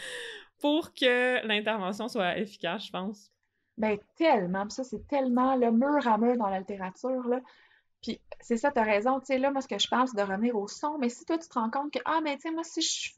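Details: Adult woman speaking French; typical speech.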